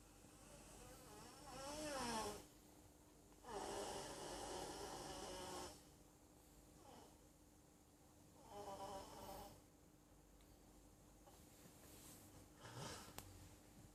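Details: Snoring while a Bengal kitten kneads/massages the sleeper: quiet rhythmic snoring with faint whistling, wavering tone on each breath, about four breaths, soft room hum.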